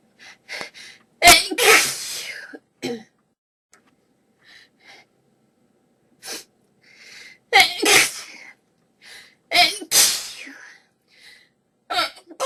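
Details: A sneezing fit with coughs: about five repeated explosive sneezes, a few short coughs and quiet breathing between them.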